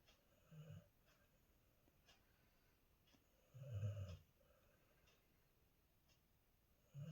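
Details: Golden retriever asleep in a quiet room: soft, low rumbling snores a few seconds apart.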